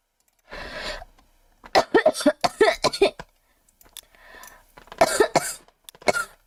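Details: Girl coughing, unwell lately with a cold she says won't go away: single cough, then rapid run of about six short coughs and two more bouts; repeated coughing fits.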